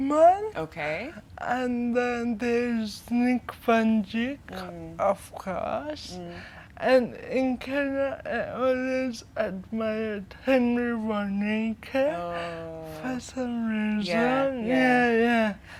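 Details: 25-year-old woman with cerebral palsy from brain damage due to lack of oxygen at birth during her mother's prolonged labour, affecting leg and hand movement, coordination and speech; dysarthria.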